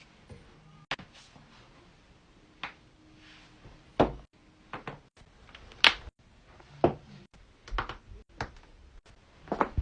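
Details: Loud back crack and more joint cracking in a compilation; sharp pops and cracks, some in quick clusters, with quiet room noise, joint cracking during manual adjustment.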